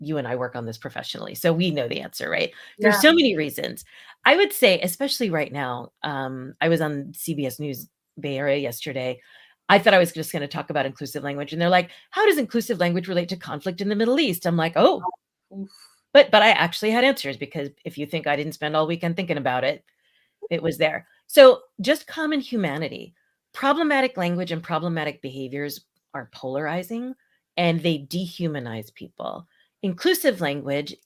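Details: Adult woman; normal speech.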